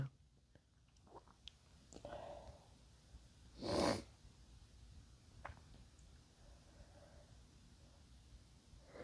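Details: Adult male, induced sneeze: a single loud, wet sneeze bursting against a quiet room, with soft breathing before it; sneezing.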